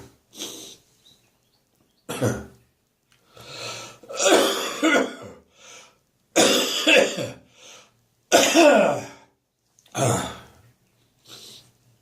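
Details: Adult morning coughing fit: about a dozen harsh, forceful coughs in clustered bursts with brief gaps.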